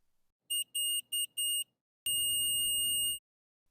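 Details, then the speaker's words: Omnipod DASH insulin pump system training: the pod and controller beep four short high-pitched beeps, then a steady continuous tone, an alarm signalling something needs attention or action. "le système omnipod dash à plusieurs façons de vous avertir que quelque chose requiert votre attention ou une action le pod et le gpd vous interpelle avec des bip ou une sonnerie continue"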